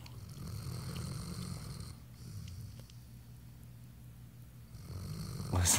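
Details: Dog sedated into a 'twilight' sleep before euthanasia, still able to hear, see and feel: low, rumbling snores over slow breaths.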